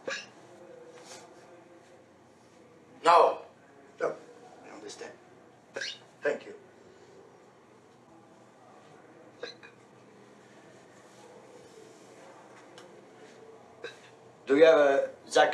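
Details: Film scene from Down by Law: several abrupt, short hiccup sounds between quiet speech in a small room; recurrent hiccups.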